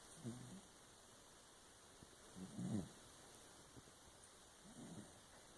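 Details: Sleeping subject giving three soft, low snorting breaths about every two to two and a half seconds against steady background hiss; gentle snoring.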